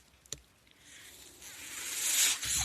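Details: Speaker's own mechanical ventilator during a spoken podcast recording: a soft click, then a steadily rising airy hiss that peaks and cuts off, the inspiratory airflow of a mechanical ventilator.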